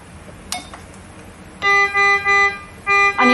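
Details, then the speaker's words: Contec SP750 infusion pump air-in-line alarm, air bubbles in the IV set: click then repeated loud electronic tone bursts, with on-screen message and alarm light. "การตัวอย่างการแจ้งเตือนนะนะคะในกรณีที่มีสอ่าฟองในสายIBเซตนะคะเจะแจ้งเตือนเป็นข้อความพร้อมกับสัญลักษณ์แล้วก็ไฟลการแจ้งเตือนค่ะ"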